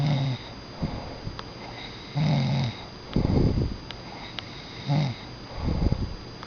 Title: a snoring pumba... [raby doo]